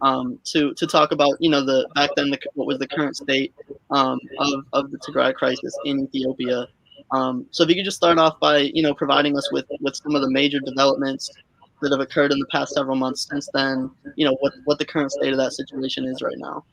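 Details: Adult speaker; Normal voice.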